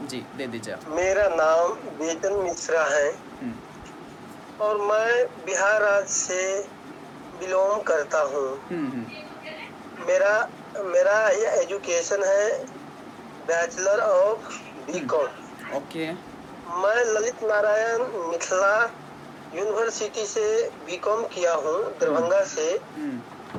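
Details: Man in a stammering therapy group, practising taught techniques 2-3 hours daily for nearly four months but not yet able to use them in public; stuttering.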